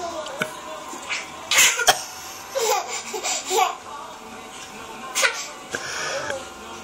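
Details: A child giggles in short bursts, with a few sharp coughs breaking into the laughter; cough triggered by laughing.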